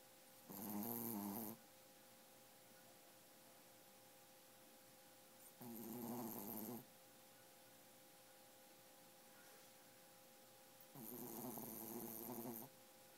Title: Appa snoring like a log ~-3